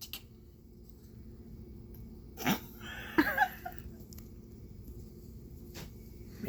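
A short noisy burst followed by a second, stronger one, with room noise. Consistent with a small animal's sneezes.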